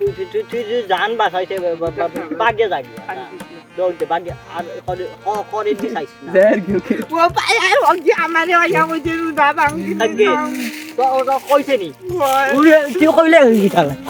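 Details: Acted stutter by a stuttering-friend character in a comedy sketch: stuttering (acted)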